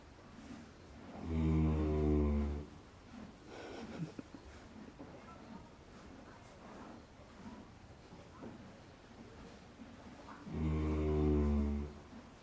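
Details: Two loud, deep, rattling snores about nine seconds apart from a large animal happily asleep in her stall.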